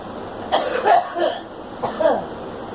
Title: Girl coughing